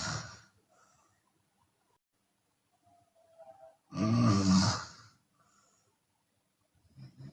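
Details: Open-mouth snoring from a Chinese woman during sleep, sometimes on exhale: one loud, rough, rattling snore with softer breath noises before and after.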